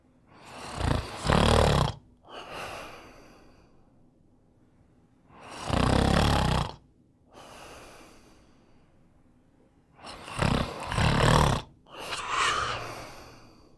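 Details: Sleeping dog snoring: loud, rattling inhalations and softer exhalations, about 13 breaths per minute.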